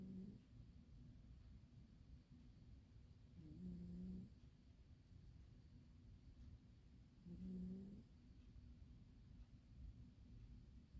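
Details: A sleeping cat snoring: faint, low snoring bursts recurring about every four seconds, roughly 16 breaths a minute, over a steady background hum.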